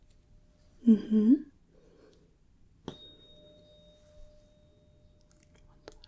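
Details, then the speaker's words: Role-played ASMR Weber test: a tuning fork is struck and placed on top of the head to check for lateralised hearing, ringing a steady pure tone that slowly fades after a brief murmur. "so I'm going to strike the tuning fork and firstly put it right at the top of your head if you could just tell me whether you hear it more on one side the other or bilaterally"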